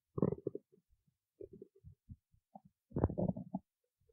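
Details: Stomach growling (borborygmi): short bubbling, gurgling bursts in an irregular run, louder near the end.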